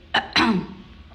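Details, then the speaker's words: Adult woman, an actress who says she is unwell and her voice is off, during a live interview: two quick throat-clearing bursts, the second with a brief voiced rasp. "ನನ್ನ voice ಸೇರಿಲ್ಲ ಸ್ವಲ್ಪ ನನಗೆ ಹುಷಾರಿಲ್ಲ so ಹಾಗಾಗಿ ನನ್ನ voice ಏನಾದ್ರು ಕೆಟ್ಟದಾಗಿ ಕೇಳಿದ್ರೆ ಮಧ್ಯದಲ್ಲಿ ಕೆಮ್ಮುದ್ರೆ ದಯವಿಟ್ಟು ಕ್ಷಮೆ ಇರಲಿ"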